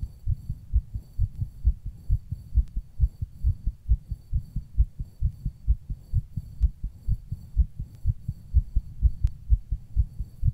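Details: Rapid, fairly regular deep thumps at about 128 beats a minute with occasional faint clicks, recorded while rebreathing into a plastic bag; fast heartbeat.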